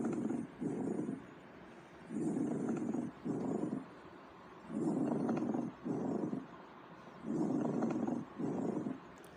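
Rough, creaking, grating bursts in pairs, a longer one then a shorter one, repeating about three times; a pleural friction rub with inspiratory and expiratory parts.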